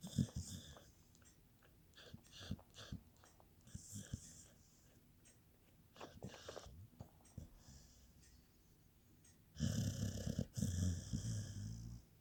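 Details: Sleeping dog snoring, recorded 2019: irregular snorting breaths and soft fluttering sounds, ending in a louder rattling snore.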